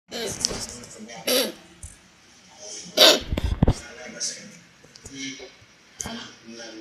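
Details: Dog with kennel cough (canine infectious tracheobronchitis) giving several short, harsh, hacking cough bursts.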